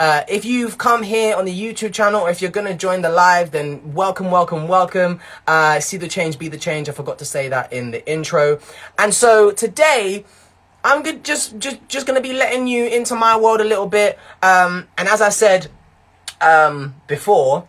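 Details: Residual mild stuttering in a young man whose stutter began in his early teens and worsened with blocks and unusual noises, now much improved; word repetitions remain.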